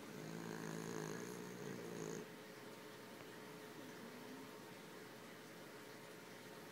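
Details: A Boston Terrier sleeping with its eyes open and snoring lightly: a low, rattling, fluttering breath noise, then quieter breathing; dog snoring.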